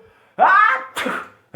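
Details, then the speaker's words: An adult sneezes in a concrete-walled studio: a sharp voiced burst with a quick tail, then a shorter second burst. "loved ones I come to you ah sneezing from the studio look at this"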